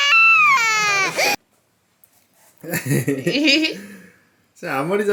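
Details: Loud, high-pitched wailing cry from a shy, easily frightened 11-month-old baby during a first haircut (bangs) at a hair salon, with short gasping breaks and brief adult talk.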